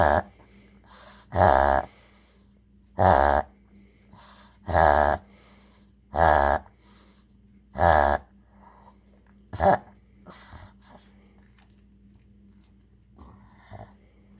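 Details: Pug making repeated loud, snorting inward honks, about six in a row; reverse sneezing episode, attributed to a tickle in the throat or nose.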